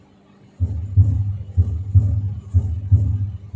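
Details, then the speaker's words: Heart sounds at about 62 a minute with a harsh murmur between separately audible S1 and S2, aortic stenosis murmur; teaching auscultation recording. "in other words in the presence of this member you would be able to differentiate to appreciate s 1 s 2 separately s 1 first start some secondary sound and the murmuring between them"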